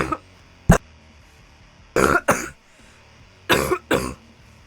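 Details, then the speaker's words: An adult who says they feel okay gives several short, harsh coughs, mostly in pairs, with a rough, rattling, aggressive quality. "it's like it just sounds terrible whereas like my sneeze is like I don't have like an aggressive sneeze but my cough is so aggressive but like I'm genuinely can tell you I'm okay but it doesn't sound like I'm okay"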